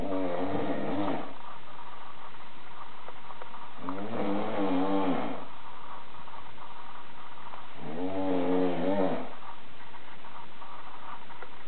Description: More of the most awful noise known to human, coming out of a human.